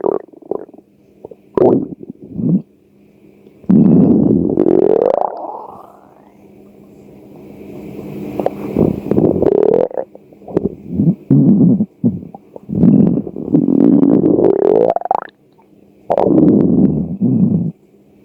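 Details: Loud, drawn-out gurgling and rumbling bursts with rising squeaky tones and short pops: hunger-related stomach growling (borborygmi).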